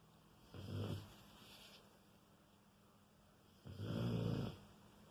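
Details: A dog, Raider, snoring loudly in sleep: two loud, low, rumbling snores about three seconds apart with quiet breathing between; snoring.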